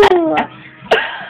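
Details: Girl with hiccups, laughing during attempts to scare them away: short abrupt voiced gulps, two hiccups within about a second, mixed with laughter; ordinary hiccups.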